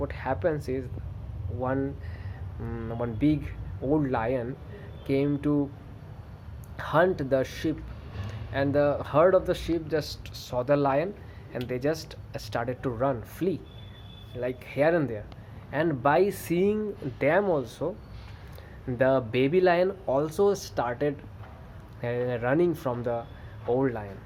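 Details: Adult man who stammers, with variable severity across good and bad days; stuttering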